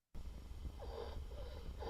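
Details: Young child with croup, played in a pediatric airway EMS training lecture: noisy, whistling breath sounds end in a harsh, honking burst, a barky croup cough.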